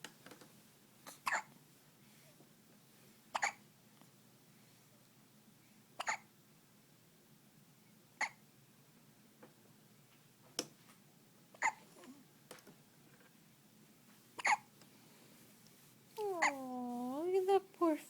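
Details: Infant's first hiccups: about nine sharp, brief hiccup clicks recurring every few seconds, followed by a short fuss or cry at the end.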